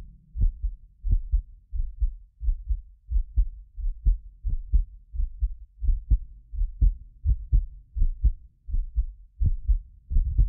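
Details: Heartbeat of a self-described medically fit person, recorded with several precision contact microphones: steady low beats at about 86 a minute; occasional doubled clicks are a 6 ms multi-microphone delay artifact. Normal heart sounds.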